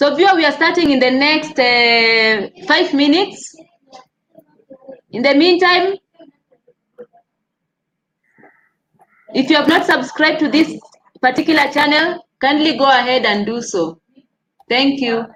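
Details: Adult speaker; ordinary speech.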